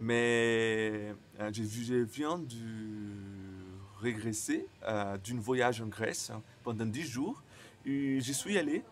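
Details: Man who stutters, speaking non-native French; he says his stuttering very often involves silent blocks; stuttering.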